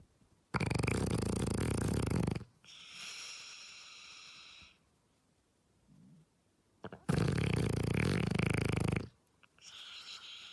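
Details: Loud, deep, rattling snores on each breath in with softer whistling breaths out, much like a human snoring; a dog snoring.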